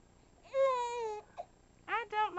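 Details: Infant girl with hiccups: a drawn-out, high, wavering cry followed by two shorter whimpering calls; a brief infant cry.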